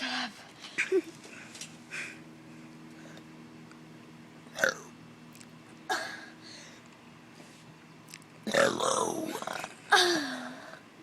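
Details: Person deliberately doing big burps for a video: several short belch-like sounds and a louder, longer belch near the end over a quiet room hum.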